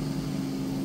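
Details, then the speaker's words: An ear wax removal suction machine runs with a finger sealing the tube tip, raising the suction power. A steady low motor drone and constant hum are heard with no airflow hiss. "you get a better idea of the power it can generate so when I put my finger on there"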